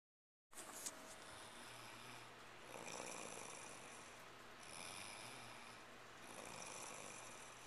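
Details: Snoring during sleep: soft, slow swells of noisy breathing, about three over several seconds, in a quiet room.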